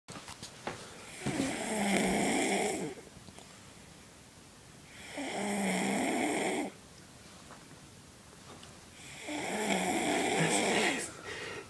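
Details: Loud, rough snores from a sleeping adult woman recur about every four seconds with quiet pauses between: snoring.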